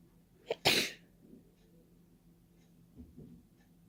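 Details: Deliberate open, wet sneeze into the open air without a tissue, nose-blowing held back: a single sharp, explosive sneeze with a brief catch before it, then quiet breathing. Sneezing.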